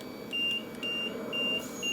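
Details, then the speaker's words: LTV 1000 ventilator alarm: repeating short high-pitched beeps over a low hum, sounding because the ventilator is not hooked up to oxygen, during a tutorial. "It is alarming right now because it is not hooked up to oxygen."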